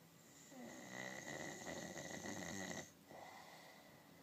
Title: The worlds worst snoring